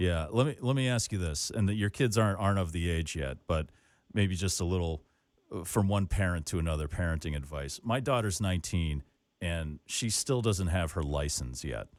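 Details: Adult man speaking; ordinary conversational speech.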